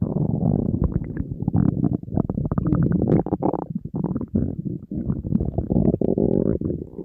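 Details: Empty stomach of a hungry person on a diet, in front of food: loud, continuous low rumbling and gurgling with barely a pause. Borborygmi, normal hunger growling.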